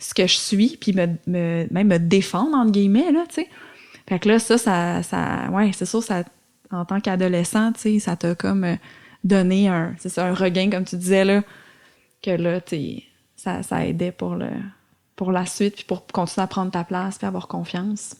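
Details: Adult woman speaking French; fluent speech.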